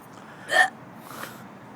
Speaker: mad hiccups [ __ ] it though